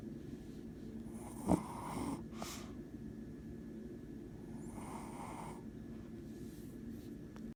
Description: Cute little Buttercup snoring